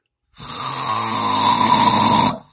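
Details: One long, loud, rough rattling snore lasting about two seconds, with a harsh buzzing quality on the breath; snoring.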